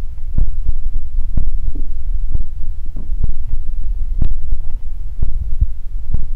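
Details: Close-up body ASMR recording of low thuds and rumbling pulses with a steady hum; stomach growling from ordinary digestion.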